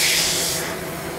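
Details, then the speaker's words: Brief rushing hiss of cold air fading over about a second from a Zimmer cold-air cooler during a single laser test pulse in tattoo removal, after 30 minutes of topical lidocaine was removed. "along with the Zimmer which we use like I told you to blow cold air and soothes a little bit of the heat from the laser okay I'm going to do one little pulse so you kind of see what it feels like at first"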